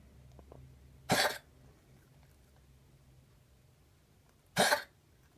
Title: Coughing